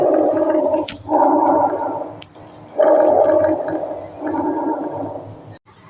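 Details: Bronchovesicular breath sounds.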